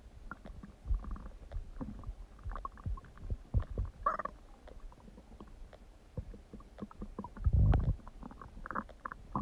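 Low gurgling and rumbling bowel sounds from the abdomen, with bubbling bursts; ordinary stomach rumbling.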